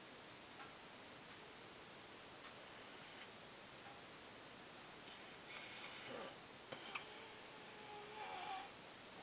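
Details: Snoring: soft snorting, rattling breath noises over a few seconds in a quiet room.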